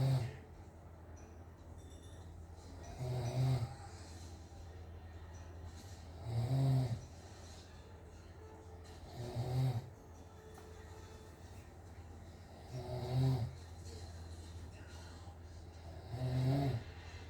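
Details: Father snoring during sleep, recorded by family because he doubted he snores: deep rattling snores on each breath, about five in 17 seconds, over a steady room hum.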